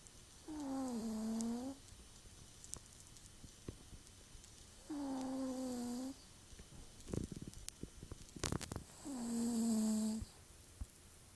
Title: Peppy snoring